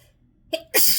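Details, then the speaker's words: A short voiced inward gasp, then a sudden hissing, explosive single sneeze, set off by sniffing, in someone sneezy all morning in rainy weather, at work without tissues, sneezing into their hand. "I mean, that was just from trying to sniff some of this back, and of course I don't have any tissues."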